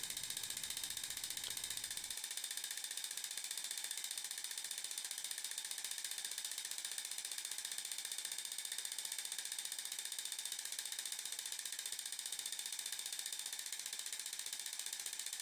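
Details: Zimmer enPuls radial shockwave, 15 mm convex head with ultrasound gel, single-spot treatment to the lateral epicondyle for tennis elbow (demonstration patient), 120 mJ, 15 Hz, 1500 shocks: rapid steady stream of sharp mechanical clicks, about 15 a second.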